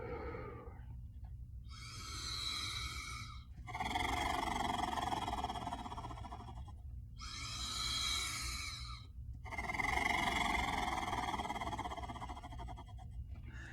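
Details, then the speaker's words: Portex Acapella flutter valve demonstration (oscillating PEP) as bronchial hygiene therapy: two long, forceful exhalations all the way down through a filter mouthpiece, each with a rapid buzzing flutter that sends vibration through the thorax; coughing is encouraged afterward. "Now, as the patient expires through the Flutter Valve, the vibration is made throughout the thorax. So you can really feel this if you try to use one of these yourself and practice with it."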